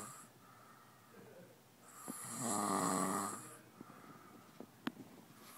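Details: One long rattling snore on an in-breath, then quieter breathing and a few small snorts in a quiet room, while the sleeper is being played with; snoring.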